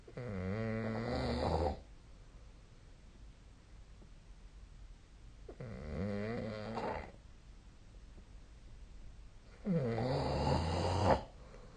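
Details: Sleep snoring recorded 2025/04/05: three loud, rattling, buzzing snores on breathing in, roughly every four to five seconds, with quiet pauses between.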